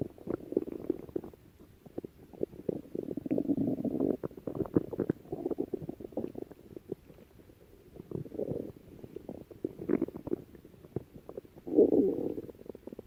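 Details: Adult female stomach growling: gurgling, rumbling bursts of ordinary bowel sounds of digestion or hunger.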